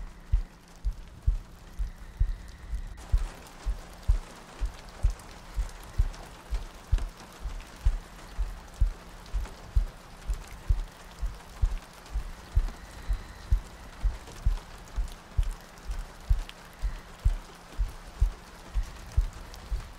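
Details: Sleep-aid ASMR loop with soft breathing and rain ambience: soft, regular low thumps at about 64 a minute under steady rain ambience; a slow, steady heartbeat.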